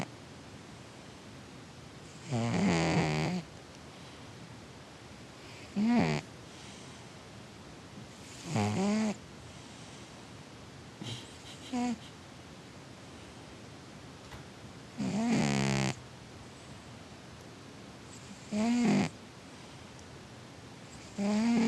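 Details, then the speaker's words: A sleeping male cat snores in soft, rattling bursts roughly every three seconds, about 20 a minute; snoring. "My cat snores a lot. You snoring, buddy?"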